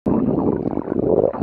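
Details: Stomach growling: a low, rolling gurgle with rumbling and bubbling lasting just over a second, ordinary borborygmi.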